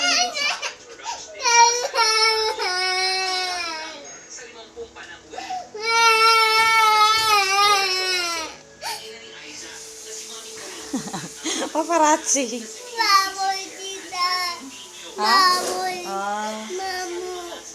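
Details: Loud, sustained, strained high-pitched wailing from an infant with brief pauses; vigorous, angry-sounding crying.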